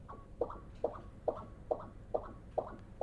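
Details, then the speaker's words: Fetal echocardiography pulsed-wave Doppler of tricuspid inflow: regular paired whooshing pulses, about 140 a minute, clearly separated E and A waves with A-wave dominance; normal biphasic fetal pattern. "again we see on the tricuspid inflow signal we see a similar finding with dominance of the a wave compared to the early a wave which is normal in the fetal circulation"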